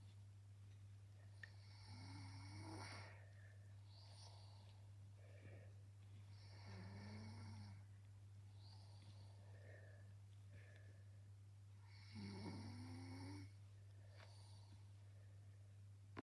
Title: Little bro is snoring 💤